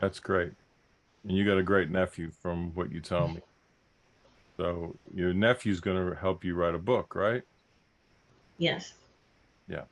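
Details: Adult man speaking, brief replies from a second adult; ordinary speech.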